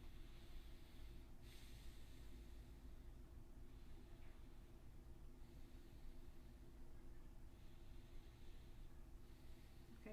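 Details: Stethoscope over the lower right rib cage at the liver's lower edge while the patient takes three deep breaths in and out; soft stethoscope rumble with faint breaths, no rubbing sound: no friction rub, normal.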